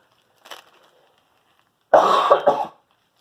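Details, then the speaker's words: A faint short sound, then one loud, harsh, somewhat wet cough under a second long, from an adult woman still recovering from an illness that left her voice congested. "I will try not to cough right into the camera but you'll probably still hear it even though I'm trying not to pop in your ears and"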